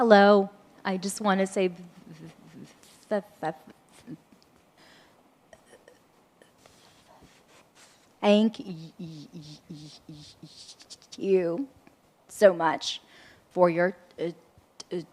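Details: Adult audience member who states they have a stutter and will take longer to complete their question; stuttering.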